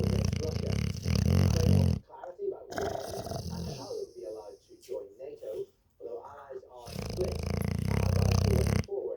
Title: just a xl bully snoring